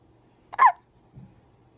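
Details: Hiccups: a single sharp, high, voiced hiccup with a sudden catch, then a soft low breath sound.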